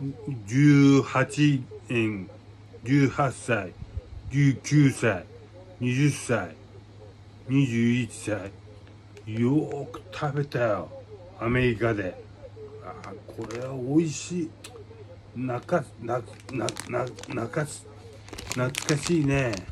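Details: Aphasia in a Japanese-speaking man with hemiplegia and paralysis after a brain hemorrhage.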